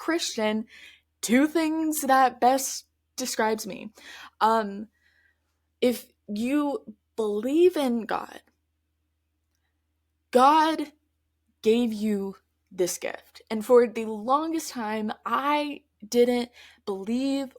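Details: Stuttering in an adult woman who stutters, heard in her real, spontaneous conversational speech.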